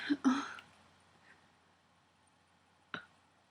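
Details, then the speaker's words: Two abrupt throat-like bursts, then after a pause a sharp brief click attributed to the neck, in a person with tics whose neck tics began minutes earlier; sudden involuntary vocal/motor tic sounds. "oh that was my neck this started a couple minutes ago and I don't know where it's coming from but I do have a guess"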